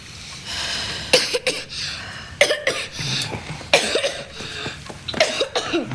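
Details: Acted drama scene: a feverish boy gives four harsh, barking coughs, called croup by the examining doctor, who warns it could turn to pneumonia and advises a lot of rest.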